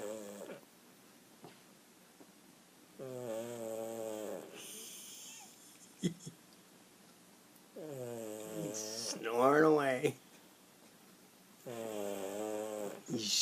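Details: Sleeping dog napping: repeated drawn-out, tonal whistling snores with quiet pauses between them, in a quiet room; snoring.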